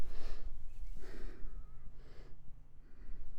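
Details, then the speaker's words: Rapid, effortful breaths with a faint whistling tone, an adult struggling to catch their breath after a short walk in the backyard garden; they have cancer affecting the lungs. Finding: wheezing. "you can hear me wheezing pretty bad in the videos I was just struggling to catch my breath you can hear while I'm talking right now actually"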